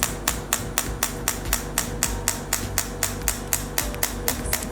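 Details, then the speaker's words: Rejuva Fresh Professional 3rd Gen T8+ shockwave therapy handpiece applied with gel, head against skin around a pain point in circular or slow motion to relax muscles; sharp, evenly spaced clicks about four per second. "apply a small amount of gel to the operating area the operating head is close to the skin of the operating area start by relaxing the muscles around the pain point it can be operated in a circular motion or in a slow motion"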